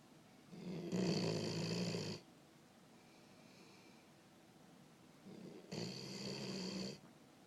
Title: And you think your husband snores loud?